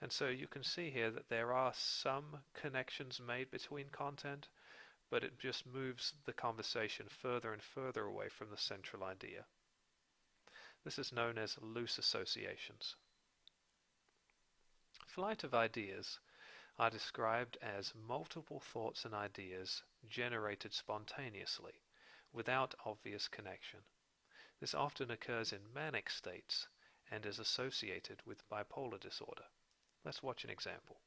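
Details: Adult male narrator; typical speech.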